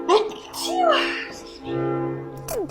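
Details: Acted, comic sneezing comparison styled as "estrogen vs testosterone": short vocal sneeze-like bursts over background music, performed for humour, not real sneezing.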